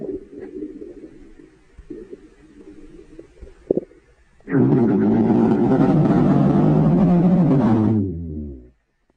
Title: Girlfriend's Stomach Growling 2